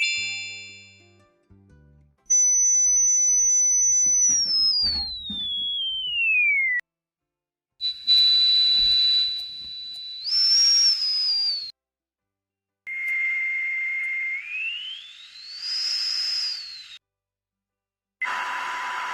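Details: Simulated tinnitus tones from a tinnitus-matching device searching 20–24,000 Hz: high pure whistles that hold and then slide in pitch, some with a hissy band around them. Used to identify a patient's tinnitus sound.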